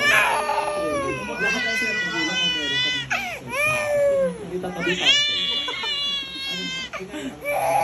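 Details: Baby crying: loud, sustained rising and falling wails with short breaths between, over background chatter and music in a café; an ordinary infant cry.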